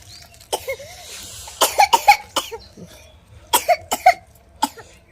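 Short, sharp coughs in several clusters, some with a slight voiced edge, over faint room hum.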